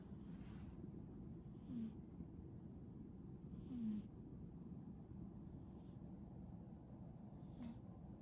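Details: Soft, regular snuffling snores roughly every two seconds from a sleeping cat, over a steady low background hum.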